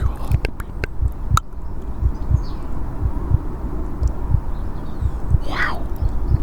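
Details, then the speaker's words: Steady low thumps at about 60 a minute with outdoor background noise and bird calls, from a simulated ASMR stethoscope exam; the heartbeat is praised as rhythmic and strong. "What a fantastic heartbeat you have. What a fantastic heartbeat you have. It is so utterly and rhythmic and strong."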